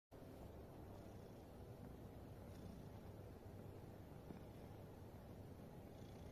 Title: My Cat snoring 😴😴📌 #catlovers #petlover #catsleeping #highlights